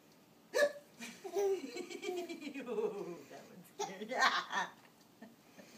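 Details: A sharp hiccup followed by infant giggling and laughter, then another hiccup-like catch with more laughter; infant laughing at his own hiccups; ordinary hiccups.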